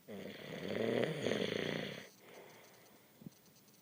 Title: And you think your husband snores!